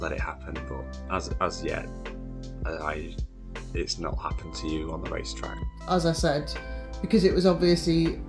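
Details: Adult male speaker; Unaffected speech.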